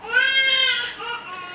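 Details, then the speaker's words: A baby girl put to bed but refusing to sleep gives a brief, high-pitched wailing cry in a small room; ordinary infant crying. "Excusez-moi pour la pleurs du bébé, ma petite sœur est couchée mais ne veut pas dormir."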